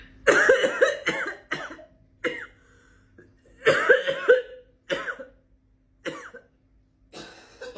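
A parrot mimics a run of about eight cough-like bursts, some voiced and harsh, in a quiet room.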